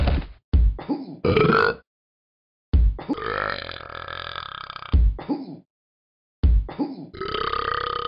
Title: Burps are nice 2